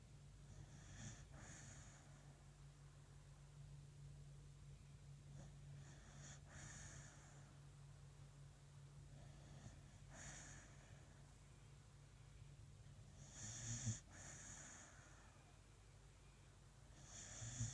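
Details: Beagle sound asleep on a cold morning, snoring with soft, irregular snorting breaths about 16 a minute over a low, steady room hum.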